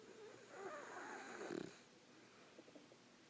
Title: Mr. Bugsy Snores